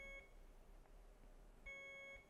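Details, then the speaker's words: BD Alaris 8110 syringe pump alarm volume test at its lowest setting, 1 (default is 5, the loudest): two soft electronic beeps about a second and a half apart in a quiet room. "Audio adjust five is the loudest and this pump defaults to that. You can make it lower. I'll test the five. Take it lower by pressing softer. And this is what a one would sound like."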